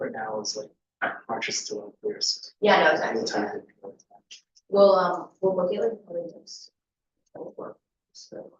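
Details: Adult speaker; normal voice.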